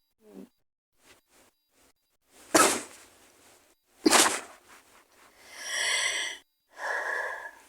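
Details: Person sick with a cold, sore throat, headache and hoarse voice: two harsh, raspy coughs followed by throaty breaths and hoarse voiced sounds.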